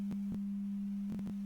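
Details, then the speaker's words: Test tone from an online audiogram tool testing left and right ears, volume adjusted to find the just-audible threshold; pure-tone audiometry test tone. "exactly you adjust the volume to determine the Threshold at which you can just hear the tone helping to plot your hearing sensitivity on the audiogram"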